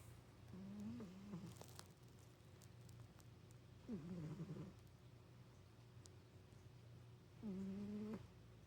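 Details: Three soft, low, buzzing snores from a sleeping cat, each about half a second to a second long, with a steady hum in the background; snoring.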